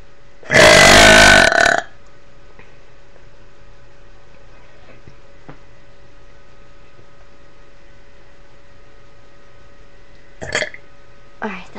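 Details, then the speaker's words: A person deliberately burping lets out one loud, long, rumbling belch lasting over a second, followed by quiet room noise and faint small sounds; burping. "Hey guys, it's here and I'm going to be doing some more um burps for you. So, enjoy them."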